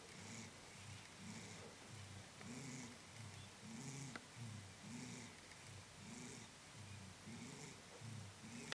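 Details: Soft, regular low rumbling breaths with a purr-like quality, about 25 cycles a minute, in a quiet room, snoring with eyes open; snoring.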